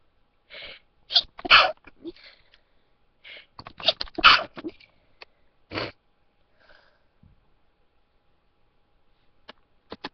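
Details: Person trying to hold back sneezes, then a fit: a cluster of about five quick, sharp, snorting sneezes with short sniffs between them.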